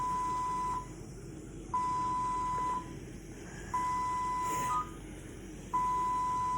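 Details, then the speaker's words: Steady one-second tone repeating every two seconds, about 30 a minute: an IV infusion pump alarm beside a hospitalized patient with IPF whose oxygen need rose from 1 to 5 liters. "Oh, my IV's beeping. So, Wednesday night, I hope y'all can still hear me through that."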